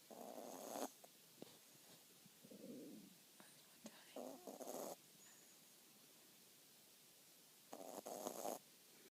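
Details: Sleeping Cavapoo puppy: soft, irregular snuffling snores with quiet pauses between breaths and light background hiss; snoring.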